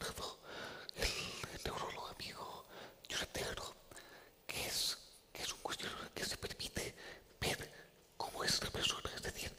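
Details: Adult man with the neurological disease dystonia, which in his case causes uncontrollable neck movements and can affect other body parts; real speech, whispered without voice tone: whispered speech (aphonia) from dystonia.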